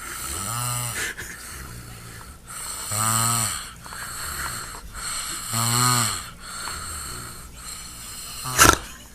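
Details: A son snores loudly enough to rumble the walls. Rattling snores recur on each in-breath, about three in nine seconds, with quieter breathing between and a steady room hum behind.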